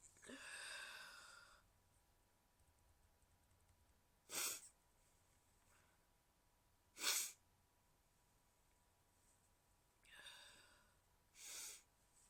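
Several brief, muffled, hissing bursts, each a stifled sneeze held back through a closed mouth; an ordinary, harmless way of sneezing quietly.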